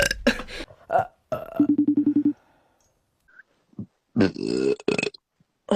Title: burping core #core